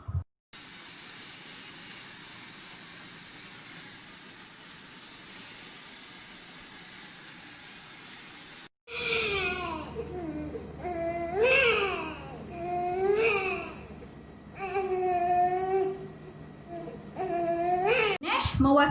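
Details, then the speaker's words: Young infant's hunger cry: after background hiss, repeated rising-falling wails with a nasal "neh" start, said to come from the tongue pressing the upper palate. "saya lapar kerennya huruf N bunyi huruf n yang ada di hadapan bunyi aneh itu mewakili bila didah baby menekan ataupun menolak lelangit helm atas"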